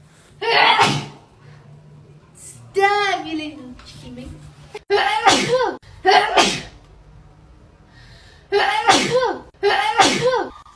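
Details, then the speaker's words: Young woman after swabbing both nostrils for a COVID-19 nasal swab test: several loud reflex sneezes in a row, with short pauses and brief talk between them. "My gosh, I keep sneezing."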